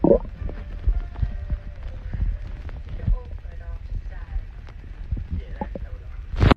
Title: tiktok girl's stomach growling 3